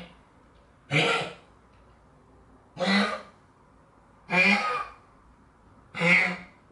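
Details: A sick dog with kennel cough (canine pharyngitis) gives four harsh, honking hacks, each followed by gagging or retching. It has been bringing up whitish mucus and coughing through the night.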